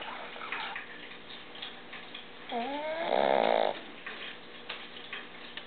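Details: Pug sleeping under a chair after an exhausting canine playgroup event: a single loud snort-like snore with a squeaky rising whine and rattling flutter, over soft breathing; snoring from a flat-faced dog.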